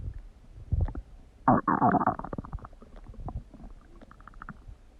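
Loud gurgling and bubbling rumbles from the belly with a squeaky gassy surge, ordinary stomach noises of digestion.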